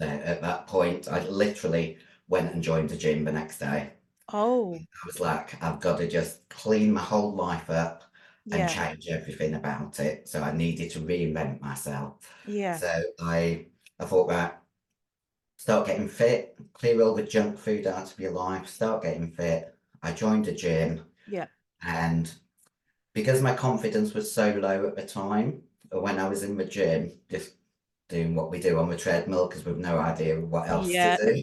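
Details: 56-year-old female bodybuilder with virilized voice (androgen-induced voice deepening) after taking large doses of anabolic steroids, including male steroids; she can no longer sing; also has past liver damage.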